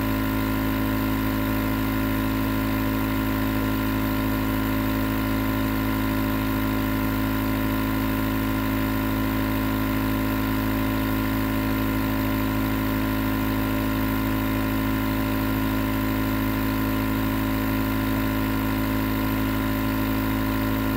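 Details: Nebulizer compressor running as white noise for sleep: steady mechanical hum with constant hiss and no pauses; nebulizer running continuously.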